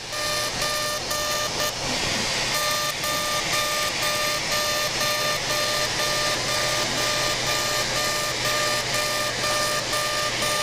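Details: CO2 laser resurfacing done together with a facelift, an aggressive pass at 100 millijoules and density 6 starting up the facial midline: a steady loud hiss and hum with electronic beeping about twice a second as the laser fires.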